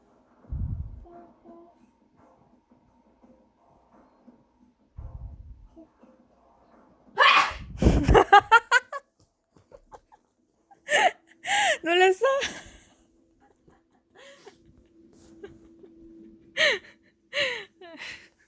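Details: An adult sneezes loudly near an 11-month-old baby amid quiet room noise; a woman's voice and the startled infant's sounds follow; ordinary sneeze.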